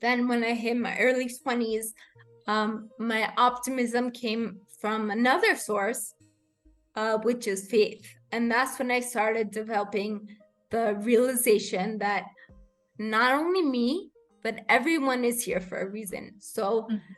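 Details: Adult woman with rare degenerative cerebellar ataxia of unknown cause; slurred speech began in her early teens; speech therapy has helped; slurring worsens with fatigue or emotion; ataxic dysarthria.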